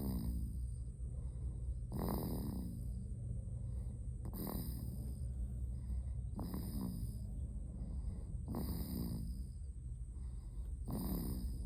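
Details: A sleeping female snoring loudly: regular rattling snores about every two seconds over a steady background hum.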